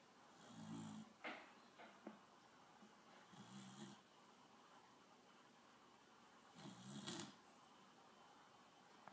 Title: Sweet snoring!!! 😴😴😴